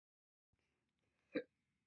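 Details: Audio-only recording of slow hiccups: a single short, abrupt gulping sound after near silence: one hiccup.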